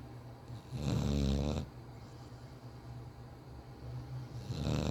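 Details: Loud, rattling snore on an in-breath, a quiet pause, then the start of another, from a sleeping bulldog puppy; snoring.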